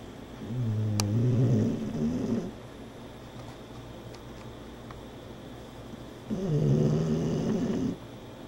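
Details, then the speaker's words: Two deep, rumbling snores about six seconds apart with quiet gaps, from a sleeping female dog: snoring. "Such a soft little snore. A soft little snore. It's so easy to sleep around these dogs. They just lull you to sleep with that snore."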